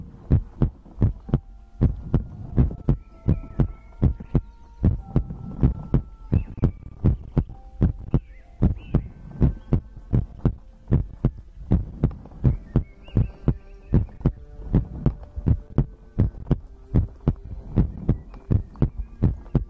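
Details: ASMR heartbeat-and-breathing compilation recording: loud, regular paired low thumps at roughly 80 beats a minute with faint background tones; steady heartbeat.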